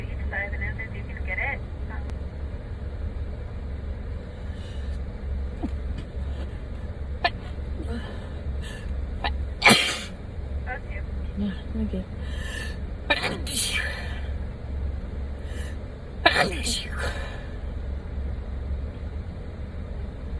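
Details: A woman taking a nasal swab test for COVID-19 gives several abrupt, uncontrollable sneezes against steady background noise and brief voices: sneezing induced by nasal swab.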